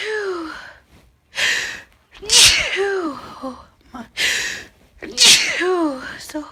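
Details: A run of loud, forceful sneezes, each with a sharp voiced intake and explosive burst; repeated sneezing.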